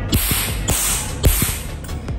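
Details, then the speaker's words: Q-switched Nd:YAG tattoo-removal laser (Quantum Laser QTL-220) fired onto film from 2–3 cm at an energy of about 250–350: sharp snapping pops about every half second over a hum. "Bắn laser gần với vùng điều trị chúng ta có thể thấy tia laser khá to và tròn"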